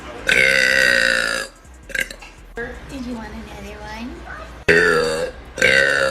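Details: Girl burping deliberately: several loud, drawn-out voiced belches with quieter gaps between them; repeated burping.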